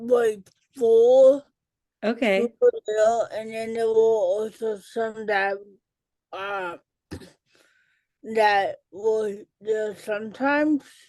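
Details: Adult woman with cerebral palsy, self-described as talking differently and possibly hard to understand; dysarthria in cerebral palsy.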